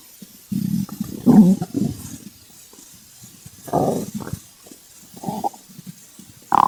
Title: Stomach growl